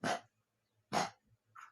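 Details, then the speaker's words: Kennel cough in a pet dog, said to be caught at a vet clinic and called a virus: two harsh, forceful coughs followed by a short wheezy breath. "this is my baby abby rose and she's got kennel cough she was at a doctor's office or vets office in murfreesboro and she has kennel cough"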